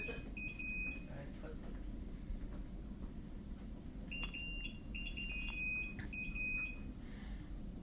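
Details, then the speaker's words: Quiet, intermittent high electronic beeps from hospital equipment in a hushed labor room, 60 hours after the water broke, as labor is being encouraged. "lot of stuff is beeping, but don't worry about that. That's just what it sounds like to try and get you to, you know, come out at a reasonable hour."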